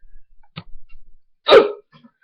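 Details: Young man with very loud hiccups that are worsening despite breath-holding and swallowing. A faint shorter hiccup, then a sudden, loud, abrupt vocal hiccup.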